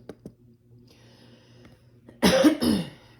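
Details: Pediatric assessment teaching: a single harsh, two-part cough after a quiet stretch, linked to aspiration of a foreign body or secretions partly blocking a child's airway.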